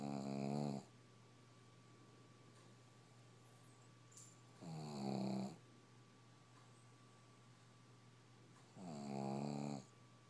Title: Snoring pug